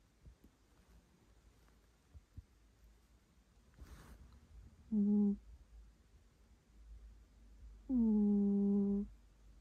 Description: My cat is snoring quite loud while she sleeps. She is sleeping in a ball shape and her breathing is causing a loud snore.